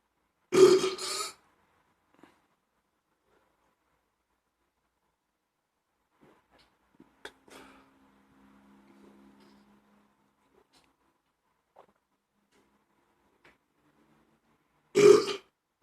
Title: Beknięcie, burping the best from Ukraina !!!